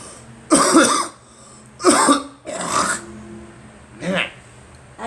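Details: Cough with a cold that started after a flu shot: four loud, harsh, voiced coughs in about five seconds.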